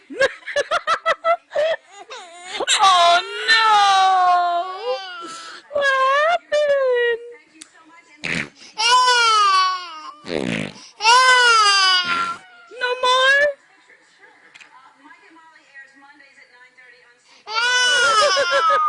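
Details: 8-month-old baby boy laughing and squealing at fart noises, rising into a wailing cry with sobbing breaths at the end; normal infant cry.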